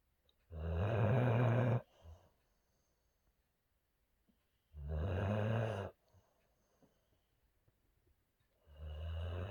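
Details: Boxer dog snoring while sleeping and dreaming: loud, deep rattling snores about every four seconds with quiet gaps, roughly 15 breaths a minute.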